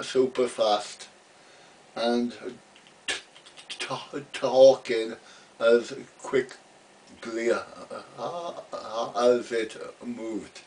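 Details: Adult man who has stammered since about age three, had speech therapy as a boy and used an Edinburgh Masker device; real stuttering.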